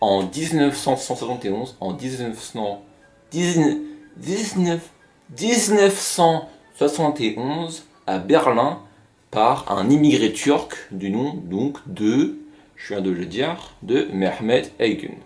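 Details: Stuttering in a French-speaking narrator of an informal hobby video from 2015, presented as stuttering in action.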